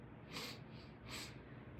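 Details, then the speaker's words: Nasal breathing during a head and lung exam: the patient covers one nostril and takes deep breaths. Two slow, airy sniffing breaths with a slightly rough, snuffly edge; mildly congested, no major blockage. "Um a little bit congested, but no uh major blockages."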